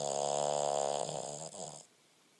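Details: Boston terrier asleep in owner's lap: a single drawn-out, buzzing nasal snore that fades: snoring.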